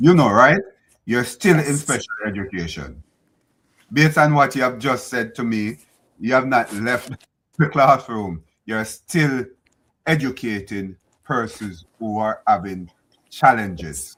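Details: Adult man speaking; ordinary speech.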